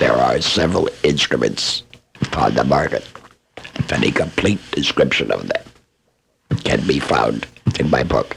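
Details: Laryngectomee speaking with esophageal speech.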